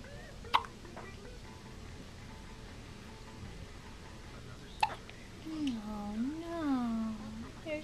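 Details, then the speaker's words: An infant's first hiccups: two sharp, abrupt hiccups about four seconds apart, then fussy, miserable whimpering. "shirt's too big and you have hiccups."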